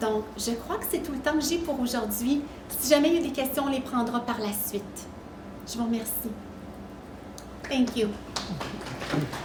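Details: Adult woman speaking French; normal speech.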